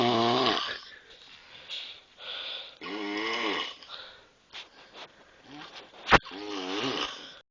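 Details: Young woman heavily asleep in bed in the middle of the day: loud, rattling, partly whistling snores recurring every couple of seconds with quiet gaps between them.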